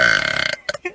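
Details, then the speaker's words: Loud, drawn-out voluntary burp from a girl, announced as the loudest ever, with a rough, rattling tone lasting about half a second and brief breaths after; eructation. "everybody you're gonna hear the loudest burp that you'll ever hear in your whole entire [ __ ] life"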